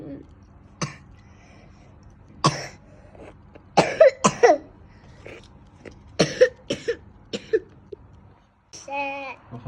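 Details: Sick child with a cough, taking herbal medicine and needing rest: repeated short, harsh coughs, about seven, ending with a brief voiced sound.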